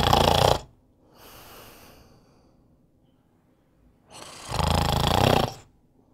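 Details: Snoring sound effect: two loud, rattling snores on the in-breath separated by a soft, airy out-breath from an adult sleeper.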